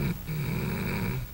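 A single low, rattling snore on one drawn breath, with a brief sharper sound at the end; snoring in an adult with obstructive sleep apnea.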